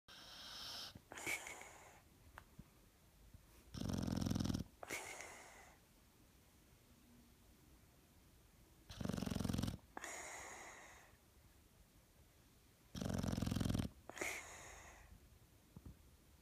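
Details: Loud, rattling snores on each breath in, about one every five seconds, roughly 12 breaths a minute, with softer breaths out between them: snoring.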